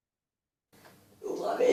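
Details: Same spasmodic dysphonia patient after botulinum toxin treatment, a very good result compared with a very poor voice before; improved voice after botulinum toxin for spasmodic dysphonia.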